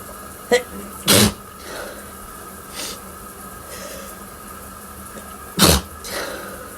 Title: Stifles Turned To Big Sneezes M